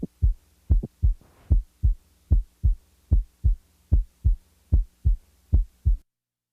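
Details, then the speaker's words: Typical mid-systolic non-ejection click, likely mitral origin: regular heartbeat near 75 per minute with a brief high-frequency click in systole between S1 and S2. "the next example is that of a normal 20 year old female with a typical mid-systolic click"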